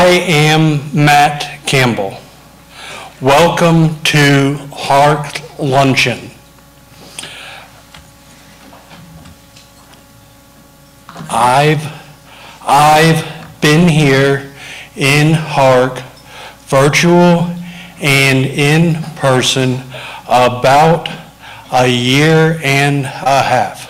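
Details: Adult man with aphasia after a stroke larger than first thought, affecting speech, improved with therapy at an aphasia recovery center, giving a short welcome speech; non-fluent aphasia.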